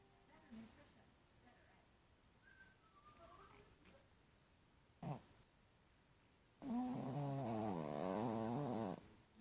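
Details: Tired male dog sleeping: quiet breathing and a brief snort, then a loud, rattling, wavering snore lasting about two seconds; snoring.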